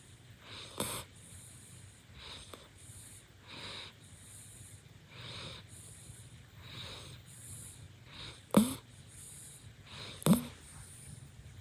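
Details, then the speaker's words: Puppy sleeping after a walk, exhausted: soft rhythmic breathing with occasional snorts, about 35 breaths a minute; light snoring. "Puppy walk completed! Winter is snoring lol"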